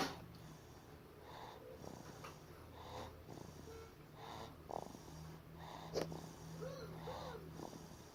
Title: Baby snores are funny